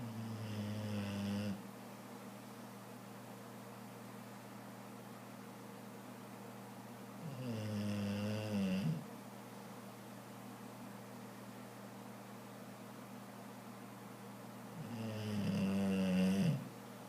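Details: Bulldog deeply asleep, snoring so loudly he woke himself a few times: three loud, rattling, drawn-out snores about every seven seconds, roughly 8 breaths a minute, steady room hum.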